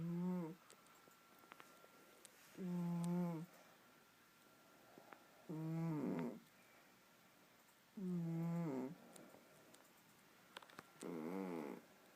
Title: My cat Poopers snoring